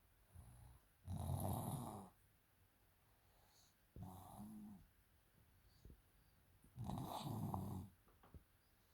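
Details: Snoring from a girl who stayed home from school with a pure cough only, no runny nose and no fever.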